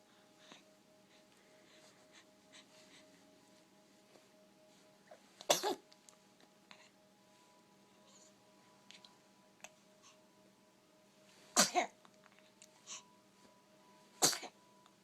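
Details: Three-week-old baby sneezing: three sharp sneezes over about fifteen seconds against quiet background music.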